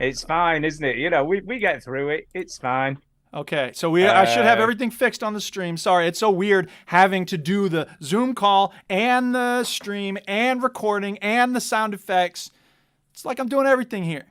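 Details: Adult speaker; typical adult voice.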